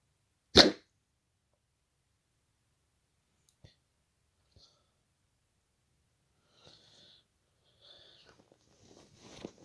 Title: hiccups before sleeping